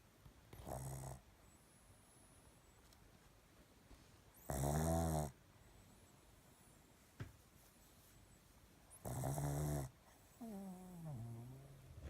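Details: Sleeping pug snoring: loud rattling snores about every four seconds with quieter breaths between, from a flat-faced dog.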